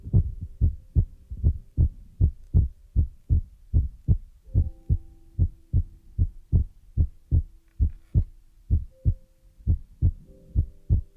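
Steady low thumping at about 75 a minute with a faint hum in the background, like a heartbeat.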